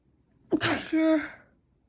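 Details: Sneezing nonstop since last night, with itchy runny nose; cold or allergy uncertain: a single sneeze, sharp inward catch then explosive burst with brief voiced tail.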